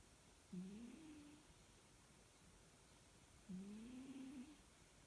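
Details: Sleeping cat snoring, recorded 1 February 2021: two soft, low, droning snores about three seconds apart over quiet room noise.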